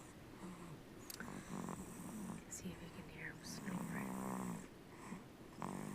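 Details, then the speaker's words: Baby boy, awake since about 4 and dozing on and off but waking whenever put down, now asleep with soft, low, buzzy light snoring over faint room hiss. "On and off sleeping, but as soon as you put him down, he wakes up. And he's just now snoring."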